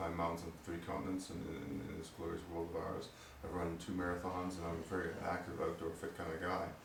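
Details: Adult man with Parkinson's disease diagnosed at age 45, reporting his voice has recently become strange and hoping medication will help it; finding: hypokinetic dysarthria (Parkinsonian speech).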